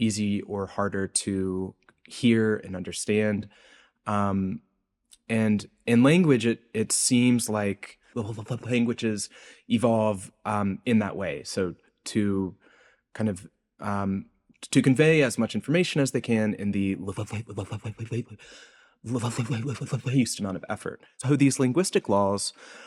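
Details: Adult male postdoctoral researcher who self-reports a speech impediment heard throughout his interview; word repetitions; stuttering-like disfluency.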